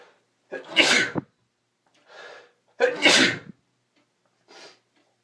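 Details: Male with spring allergies sneezing in the morning: two loud, explosive sneezes, each followed by a softer sniff or breath, in a quiet room.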